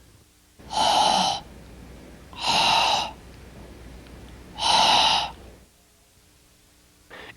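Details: Pharyngeal fricative substituted for sibilant fricatives and affricates in cleft palate speech; pharyngeal fricative.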